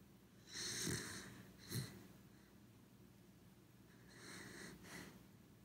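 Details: Sleeping corgi dog snoring: soft snorting, snuffly breaths with quiet rattly inhalations; ordinary sleep snoring.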